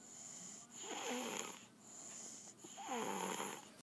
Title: Snoring on Dad